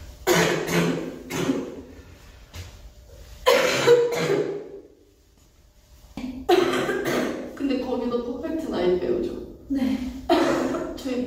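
Repeated coughing fits from a young girl in a small room, with coughs in uneven bursts.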